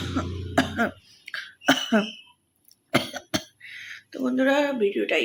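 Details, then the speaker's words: Adult woman with a slight cough deliberately performing a coughing challenge: several harsh, throaty coughs and hacking bursts mixed with brief voice; acted, not natural, cough. "তো একটু ভালো কাশি কাশি হয়েছে, তো চলো ভাবলো কক চ্যালেঞ্জটা করাই যাক। তো হকিং কক চ্যালেঞ্জ করবো আজ।"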